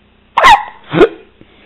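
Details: Baby with loud hiccups: two abrupt voiced hiccups about half a second apart in a quiet room.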